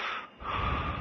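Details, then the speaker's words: Simulated loud snorting gasp breaking a pause in breathing: the arousal that ends an obstructive sleep apnea, which can occur hundreds of times a night in sleep-disordered breathing, often unremembered and possibly with a change of position. "with every arousal your body may move to another position in the bed but you will probably not remember waking up even if arousals occur hundreds of times each night"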